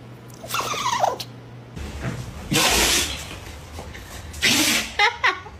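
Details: Dogs sneezing: several short, snorting bursts of air through the nose that fit small dog sneezes, mixed with faint whines and room noise.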